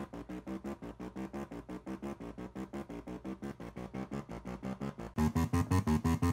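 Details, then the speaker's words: A VibraLung acoustic airway clearance device, started on its low setting, plays rapid, regular electronic pulsing tones of about 171 a minute in vibration mode, likened to a video game: acoustic airway clearance device tones. "so as you can see the viber lung sounds like you playing a goddamn game of Dig Dug the entire time but just what that's kind of that sound is kind of annoying but kind of funny"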